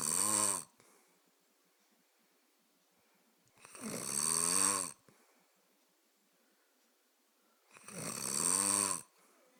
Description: This is a big reason why I can't get to sleep at night!